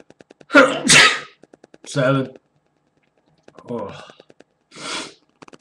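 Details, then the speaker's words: A run of four loud, explosive sneezes close together, part of a 12–13-sneeze fit by an adult who reports excessive sneezing; sneezing fit. "seven eight yeah I can still feel it coming on here nine wow 10 okay there's 10 there it may still come I mean 11 sneezing excessively here 12"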